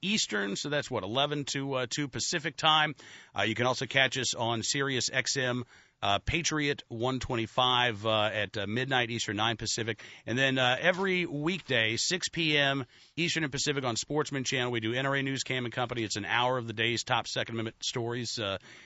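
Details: Adult male speaker; Ordinary speech.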